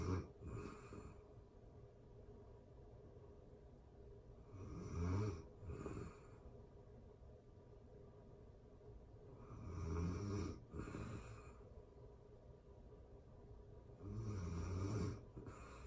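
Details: Real-time recording of a person asleep, excerpted from a longer session: soft rumbling snores about every five seconds, roughly 12 a minute, with quiet breaths between; snoring during sleep.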